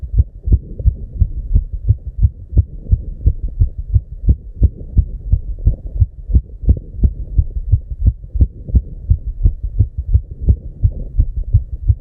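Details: Heartbeat labelled 290 BPM, real heart sound: fast, regular heartbeat with closely spaced thumps; markedly rapid heart rate, tachycardia.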